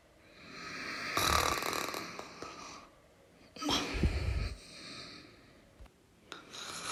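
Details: Snoring during sleep: two long, rough, rattling snores about two seconds apart with quieter breathing between.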